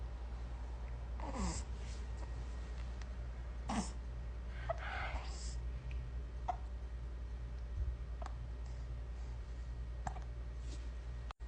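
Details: Baby hiccups: several brief, sharp, irregularly spaced hiccup sounds from an infant over a steady low background hum.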